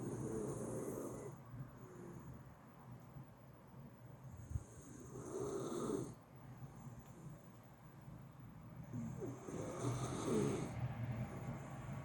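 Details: Sleeping miniature schnauzer snoring unusually loudly and persistently, keeping his buddy lying beside him awake, with low rumbling snores and snorting nasal breaths over a steady background hum.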